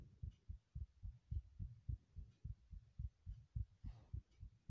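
Muffled, somewhat uneven low thumps at about 107 beats a minute, a fast heartbeat heard over faint hiss.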